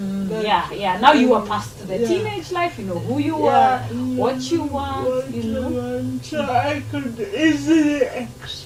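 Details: Adult woman speaking; ordinary speech.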